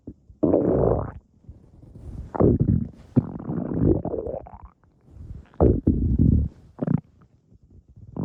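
Loud low gurgling growls in several bursts with quiet gaps: ordinary stomach growling, a normal digestive sound.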